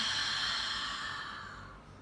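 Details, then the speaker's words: Single long, forceful open-mouth exhalation that fades, the huff (forced expiration technique) shown by a physiotherapist for clearing phlegm after COVID or other lung infection, as if fogging a glass. "इसमें आपको मुंह खुला रख कर जोर से सांस बाहर निकालें हैं जैसे आप इमेजिन करिए के सामने ग्लास है और आप उसके ऊपर तीन दया करें"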